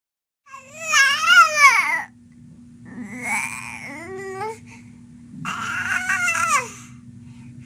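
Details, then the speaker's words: Infant crying from hunger after early feeding cues were missed: three rising and falling cries with clear pitch over a little quiet room noise. "parents may need help learning to recognize early hunger cues so they feed their babies before the babies get so uncomfortable that they cry"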